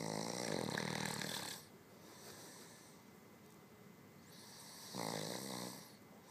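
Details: Man sleeping deeply with mouth wide open: two long, loud, rattling snores about three seconds apart, with quiet breathing between. Snoring.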